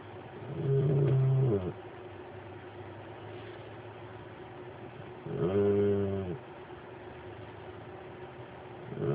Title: snoring